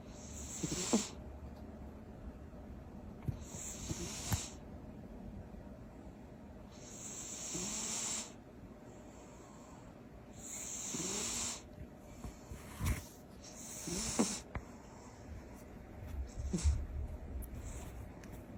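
Sleeping cat with loud, rhythmic snoring: five or six rasping breath cycles with hissing, snorting noise. Ordinary snoring during deep sleep.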